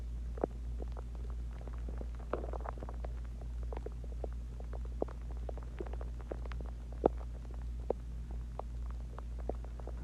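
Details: Person's stomach growling after eating Chinese food and drinking water; low steady rumble with scattered soft gurgles and pops, ordinary borborygmi after a meal.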